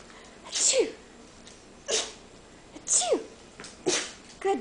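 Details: Dog sneezing on command for food: five sharp, hissing sneezes about a second apart, with faint room noise between them; repeated sneezing.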